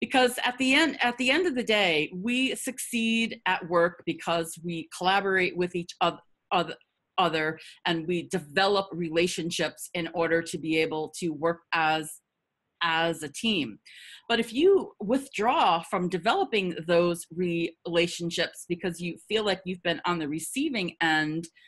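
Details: Adult woman who stutters, with repetitions audible in her spontaneous speech; stuttering.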